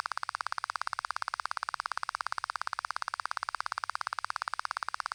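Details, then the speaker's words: Auditory brainstem response test in a Thai ear clinic: rapid, steady train of identical clicks, about ten per second, played into the right ear at 90 dB with electrodes, checking for tumour or slowed nerve conduction. "Bien, nous avons effectué un test en envoyant des ondes de 2000 fréquences afin de rendre le graphique lisible des deux côtés. Le test a été réalisé à 90 dB."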